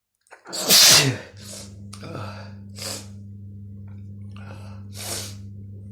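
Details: A single loud, sharp sneeze followed by quieter breathy sounds over a steady low hum.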